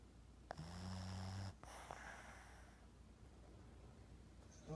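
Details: Lily, a 5-year-old female Boston Terrier, asleep on a couch: a single low rumbling, buzzing "yap flap" breath, then quiet breathing against room noise; snoring.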